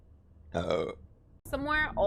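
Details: A low, rumbling voiced belch, then a brief pause and a short spoken sound: a burp.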